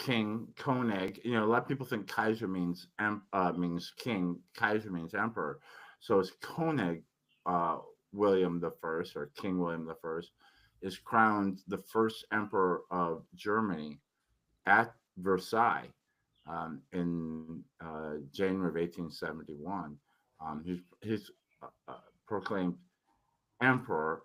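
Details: Adult man recovering from tongue cancer after chemotherapy and radiation, tongue still somewhat swollen, previously unable to speak for a while; articulation impairment after tongue cancer treatment.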